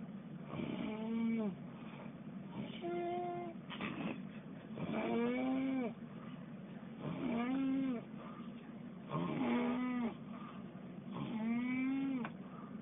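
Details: Extreme, heavy snoring on a cruise ship, possibly linked to too many sleeping pills: loud, rhythmic, vibrating, partly whistling snores about 29 a minute.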